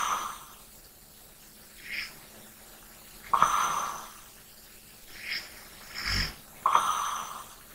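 Slow sleep breathing with soft snoring, snorting breaths, about 18 a minute, over faint room hum.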